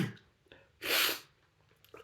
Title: Chhinkni Sneezing while reading The Raven Part 2